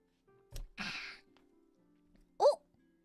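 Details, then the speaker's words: A single dull low pop from an adult's shoulder joint, then a sniff-like breath and a brief voiced sound; the person also reports back pain and a stuffy nose. "did you hear that? That was my shoulder popping."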